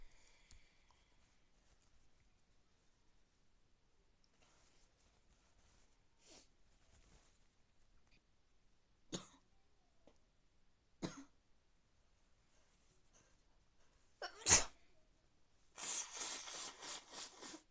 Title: Sick sneezes cold